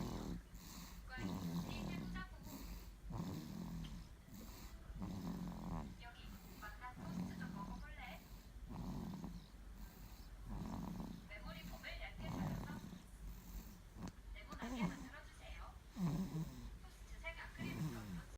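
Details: Six-month-old infant snoring loudly in sleep: loud, regular rattling snores with each breath, about 20 breaths a minute.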